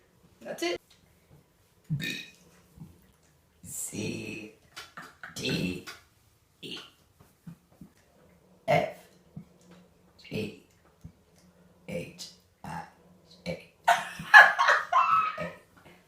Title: She Burped the Alphabet 🤣 #shorts #burping